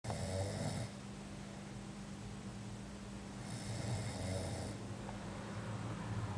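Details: Sleeping pet snoring: two rough, rattling snores a few seconds apart over a steady low hum.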